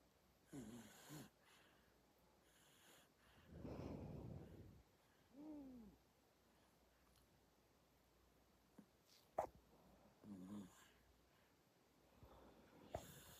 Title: 쌔근쌔근 잠자는 아기/아기 숨소리(with 코골이)/귀여운 아기 영상